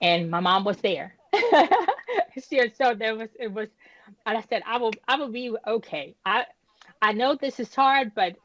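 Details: Woman who had a stroke at age 36 that damaged about a third of her brain, including the speech center. She was initially unable to speak and had right-side paralysis. She has aphasia and apraxia of speech with lasting audible effects.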